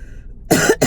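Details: Adult recovering from about three weeks of illness, still congested, gives two short, harsh cough bursts after a quiet moment in a small room, the second cut off at the end.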